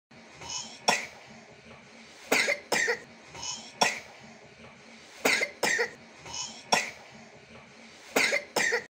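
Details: Sudden cough from an 18-month-old baby on a winter morning, not due to any disease.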